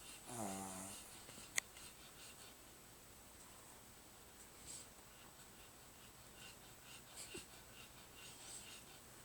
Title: Taz sleeping and snoring.